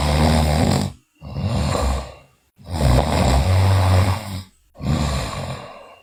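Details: Sleeping girl snoring: loud, rough, rattling breaths in and out in regular cycles, about fifteen a minute; heavy snoring.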